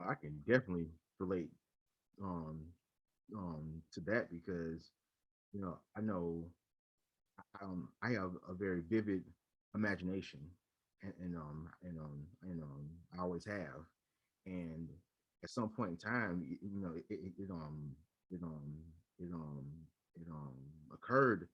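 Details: Adult man who stutters and leads a local stuttering chapter, with repeated fillers and word repetitions; stuttering.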